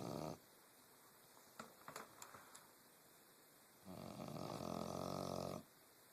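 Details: Snoring during a nap: deep, buzzing snore on the in-breath, with a few soft clicks and rustles in a quiet room.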